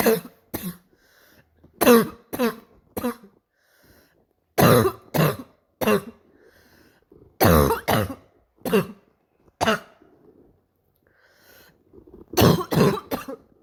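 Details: About eighteen harsh, abrupt coughs, mostly in pairs and small runs with pauses between; a painful, barking, seal-like cough.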